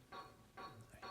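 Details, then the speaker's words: Click-evoked otoacoustic emission recording from an ear that also has spontaneous emissions: click presentations, each click followed by a response with a little tonality. "Here's the other one. I think you can hear that has a little bit of tonality to it."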